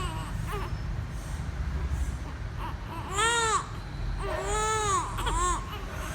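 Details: Twin infants crying during sunbathing time: short rising and falling cries over steady room noise; ordinary baby crying.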